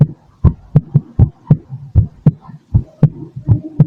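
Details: Own heartbeat heard through a stethoscope: clear, regular lub-dub sounds at about 75–80 beats a minute; normal heartbeat.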